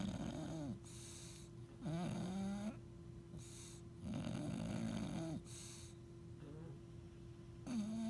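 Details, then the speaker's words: A sleeping bulldog on a couch, a pug also present, half-open "zombie eyes": loud, rattling snores with whistling squeaks, about six breaths in eight seconds, over a steady room hum; heavy snoring. "He gets these creepy zombie eyes where he's almost awake, and he makes those loud noises."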